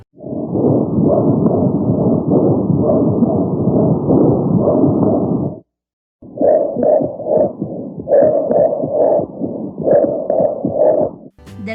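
Simulated chest recording with a coarse, creaking, grating sound through each breath, continuous then in rhythmic bursts: a pleural rub.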